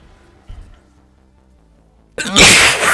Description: Latina and German sneeze with the most diversity of sneezes! Very intense!